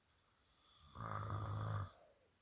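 One loud, low, rattling snore on an in-breath, lasting about a second, in a quiet room.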